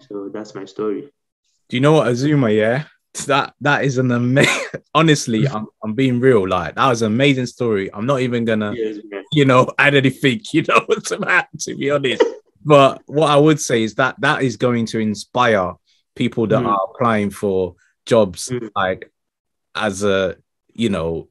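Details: Adult male speaker; typical speech.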